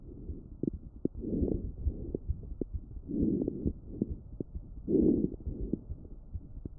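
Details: Lung auscultation with StethoMe electronic stethoscope, AI-classified: soft breath sounds with many brief crackling pops; fine crackles, characteristic of bronchitis and pneumonia.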